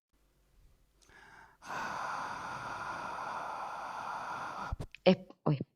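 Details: 58-year-old man with right unilateral vocal fold paralysis and 15 days of aphonia, which he links to temporal-region surgery; highest Voice Handicap Index severity; breathy near-aphonic voice, mostly air escape with occasional voicing effort.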